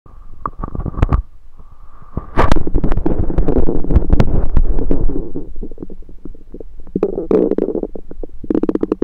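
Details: Own abdomen recorded with a USB stethoscope: loud, continuous gurgling and bubbling with rapid clicking pops; active stomach rumbling, normal bowel sounds.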